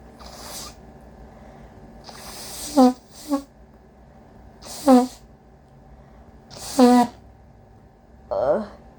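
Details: Induced sneezes during a cold with a very congested, sensitive nose: four forceful voiced sneezes, each after a loud drawn-in breath, then a fainter final one.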